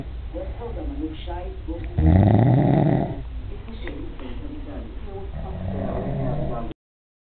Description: this guy is a munster, he didnt believe me when in told him he is snoring so i had to film it to proof it